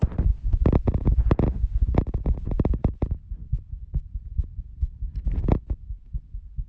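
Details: Self-recorded through a phone over the middle of the chest just after jumping jacks and running: a fast, deep thumping heartbeat with rubbing noise. This is a rapid heartbeat after exercise.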